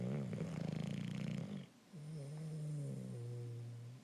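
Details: Bulldog snoring: a coarse, vibrating snore followed by a lower, steady droning breath sound.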